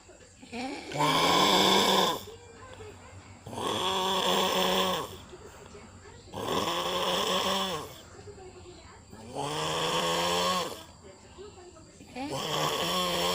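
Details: Snoring father's loud, rattling, buzzing snores, about 21 a minute, with quieter breathing between them; the noise woke his baby from sleep.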